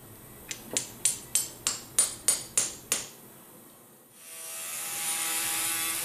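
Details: Nine sharp, ringing metallic mallet taps, then a rising hiss: a surgical mallet seating the final distal femoral cutting block after implant sizing with a posterior referencing system, during a left total knee arthroplasty.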